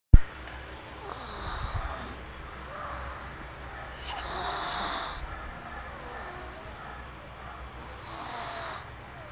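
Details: Three rough, noisy breaths of snoring repeating every few seconds during sleep, over a steady low background hum.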